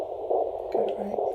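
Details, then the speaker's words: Fetal heartbeat picked up by Doppler at a rural midwife's prenatal visit, baby in a good head-down position: rapid, regular whooshing pulses, roughly 140 a minute, over a steady hiss; normal. "See if we can find this little heartbeat. [Music] There it is. Sounds good."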